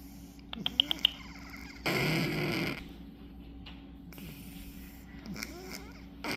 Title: nope I am not snoring.... Trixie